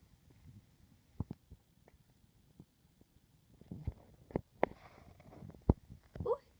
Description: Pup has the hiccups.